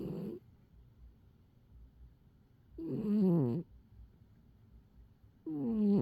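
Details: A sleeping cat snoring loudly: short, rough, buzzing snores, one breath every few seconds, with silence between.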